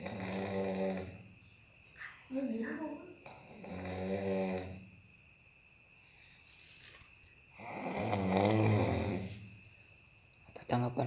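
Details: Snoring: loud, drawn-out rumbling breaths with long pauses between them.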